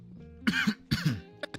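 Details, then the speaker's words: Two short, harsh coughs from an adult streamer during a live chat, with steady background music underneath: a cough. "Let me go fix this cough. I hate hearing that. I don't want to hear it no more. Sounds crazy."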